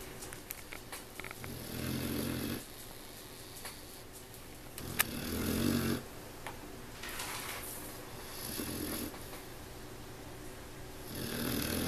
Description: my puppy catching some zzzzzzzzzzzzzzzz's